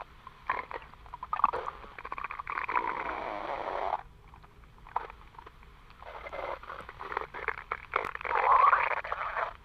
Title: Stomach Growling